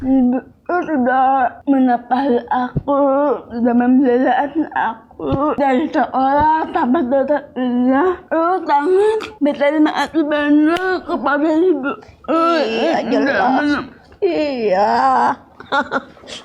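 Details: Dysarthria in a young woman with cerebral palsy, with speech difficulty since childhood.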